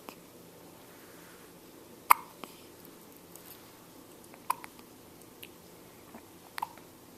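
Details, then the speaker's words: Infant with hiccups while awake, smiling and making faces: several brief, sharp catching sounds spaced a few seconds apart in a quiet room; hiccups. "Wonder when these hiccups will go away. Oh, oh, look at those hiccups. Look at those hiccups."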